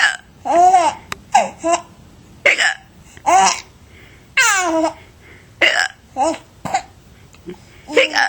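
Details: Baby with hiccups, recorded 3 February 2009: sudden sharp hiccup sounds break in among the baby's squealing laughter and babble; ordinary hiccups.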